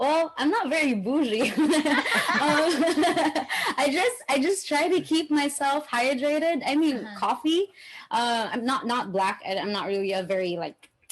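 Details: Adult woman speaking; ordinary speech.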